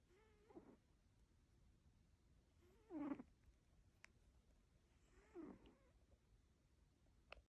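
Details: Soft, rhythmic snoring from a sleeping cat, about 25 breaths a minute, with a quiet background hiss.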